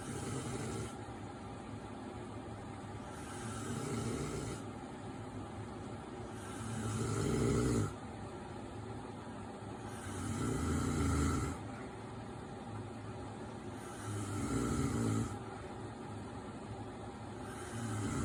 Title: Husband snoring